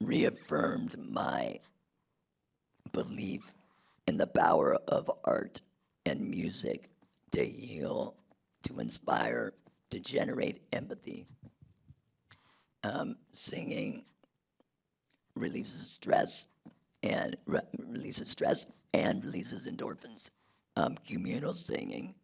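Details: Man who had a laryngectomy in 2016 due to long-term radiation damage from tonsil cancer treatment 19 years earlier, speaking without his natural voice box; alaryngeal speech after laryngectomy.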